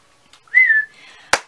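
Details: A single sudden whistle in a quiet room, followed by a sharp click; a whistling vocal tic of Tourette syndrome.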